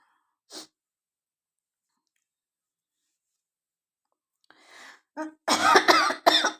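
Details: Woman with a hoarse, changed voice coughing on request: a brief run of several harsh coughs after a faint throat sound, a short coughing bout.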